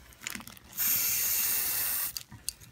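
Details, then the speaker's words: A few clicks, a steady hiss of cold spray lasting about a second, then more clicks. The spray is applied to a patient's toe after alcohol prep, before the numbing injection for toenail removal. "we're gonna have Danzo spray some cold spray on you right here first little gonzo"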